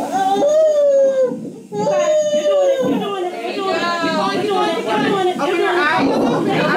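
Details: Natural birth of a first child: loud, strong newborn crying in bursts with clear pitched wails and room voices; vigorous first cries just after delivery.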